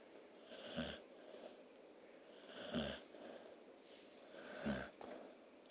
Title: Snoring dog & kitten